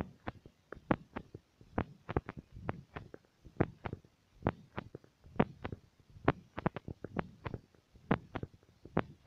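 Repeated soft thumps heard through a stethoscope, with some rubbing noise; a heartbeat, though the rhythm is hard to follow.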